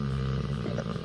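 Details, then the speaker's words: A dog asleep on a sofa behind the speaker, snoring. The owner notes that flat-nosed dogs such as bulldogs snore readily: snoring. "Maya, elle est derrière moi dans le canapé, elle ronfle. Mais vous l'entendez? Écoutez."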